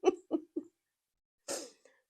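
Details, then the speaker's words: An adult man prone to persistent coughing bouts that come out of nowhere gives three quick coughs, then after a pause one harsher, breathy cough, in a small room. "Sorry if you can hear coughing in the background. That's my husband. He gets one of those coughs that once you start, he doesn't stop."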